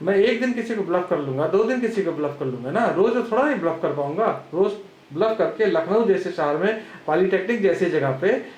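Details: Adult man speaking; normal voice.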